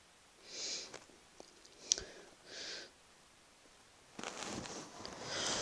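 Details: Deliberate unstifled sneezes from an adult, released openly off to the side: several breathy, hissing sneeze bursts in a quiet room.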